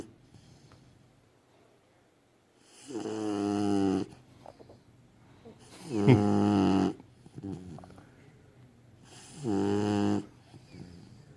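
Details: Puppy asleep: three drawn-out buzzing, fluttering breaths, about 20 a minute, quiet gaps between; snoring.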